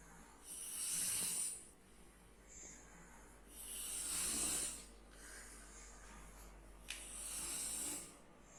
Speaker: ternyata ngorok ini bisa merupakan sebuah penyakit dan juga bukan penyakit